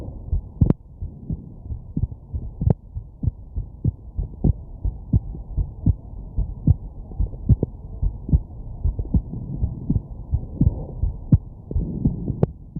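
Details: Heartbeat of a sick person with a completely stuffed nose, lying down to sleep while having hiccups: steady muffled beats around 100 a minute over a low hum, with occasional sharper jolts from the hiccups.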